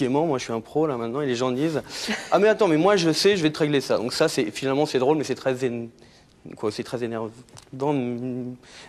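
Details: Adult male talk-show guest who has a stutter; he says his identity formed around it and that it is better today; stuttering.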